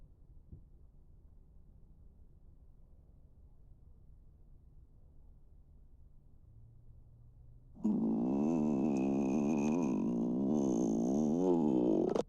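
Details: Loud, sustained, wavering stomach growl rising after quiet room noise; ordinary bowel sounds, borborygmi.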